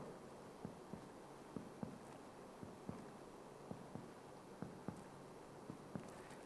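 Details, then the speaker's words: Chest percussion for the left heart border, starting at the anterior axillary line and moving medially; note changes from resonant to dull at the left cardiac border, demonstrated in a cardiac physical examination. "sampai kita menemukan perubahan suara dari sonor ke redup. Selanjutnya kita perkusi ke arah medial. Bila terjadi perubahan suara dari sonor ke redup, itu adalah batas jantung kiri."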